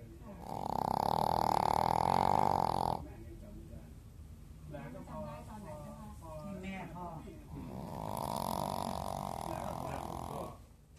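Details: Sleeping dog snoring: two long, loud buzzing snores with softer snuffling noises between them.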